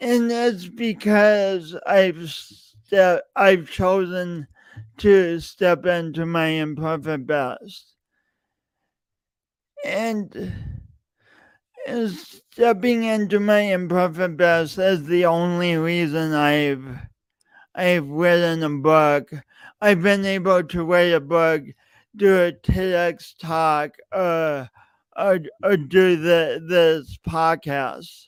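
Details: Adult male podcast host with a long-standing speech impediment he denied for years, present every time he speaks; repeated words throughout; speech impediment (disfluent speech).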